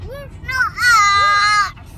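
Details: Brief high-pitched wailing cry with rising and falling pitch from an infant, while a caregiver wonders whether it is burping or hiccuping; infant crying.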